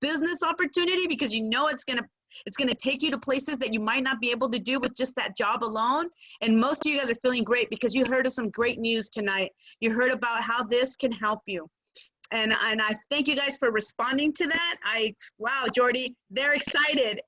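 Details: Adult woman; typical speech.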